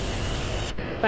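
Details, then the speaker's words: Ultrasonic dental scaler demonstrated in a dental clinic, running with its vibrating tip spraying water: steady loud hiss and spray noise, then a brief drop. "Dental cleaning പ Machina ultrasonic സ്കേലും അതോടെ tip just vibrate ആകും അതില Forca water"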